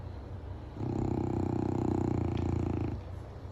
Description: Gluten is my oldest Boston Terrier at 9 1/2 and he snores so loud it shakes the walls and vibrates the floors sometimes.